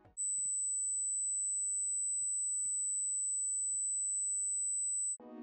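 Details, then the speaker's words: 8000 Hz (8 kHz) pure-tone hearing test tone, described as one that should be very easy to hear, so not hearing it suggests a hearing problem. "8000x seharusnya sangat mudah untuk kamu dengar dan jika kamu tidak dapat mendengarnya maka kamu pasti memiliki masalah pendengaran siap kita mulai"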